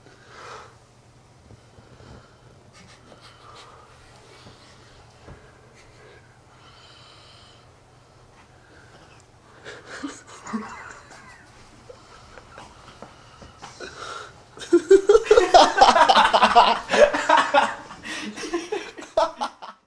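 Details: A sleeping man snoring so loudly he would not wake despite friends messing with him; quiet breathing builds into loud, rough, snorting snores with a whistling edge late on.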